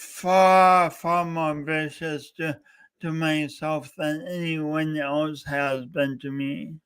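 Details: Male host with a self-described speech impediment, coached for years, talking live for three hours straight as a challenge; speech impediment.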